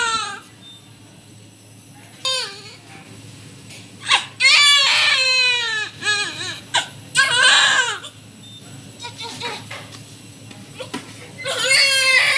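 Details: Newborn baby girl just after normal hospital delivery, crying loudly in high-pitched bursts with pauses, faint room hum.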